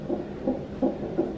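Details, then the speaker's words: Fast, regular whooshing pulses at about 165 a minute: a fetal heartbeat on a labour monitor, described as over 170, after the mother's waters broke and contractions intensified, before her epidural. "that's the heartbeat i mean over 170."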